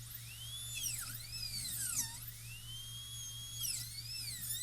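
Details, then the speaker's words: High-pitched dental drill whine dipping and recovering as the bur cuts tooth, over low electrical hum; drilling corners and trimming facial and lingual margins for gingival clearance in a distal-occlusal (DO) amalgam preparation demonstration. "Drill holes in the corners, cut away from the facial lingual walls."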